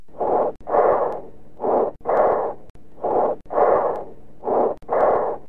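Harsh, hollow, blowing breath sounds with a longer, louder expiration and a clear pause between phases.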